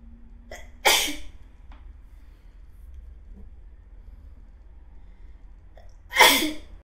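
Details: Two loud sneezes several seconds apart, each preceded by a short intake of breath; acted sneezing portraying a nurse's hay fever.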